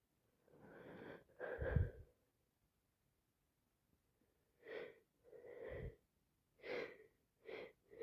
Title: Sit with me as I sneeze awful allergies plus cold makes me sneeze 🤧 non stop